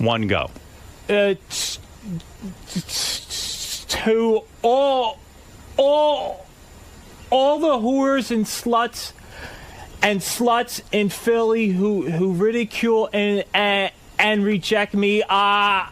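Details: Stuttering in a man with a speech impediment.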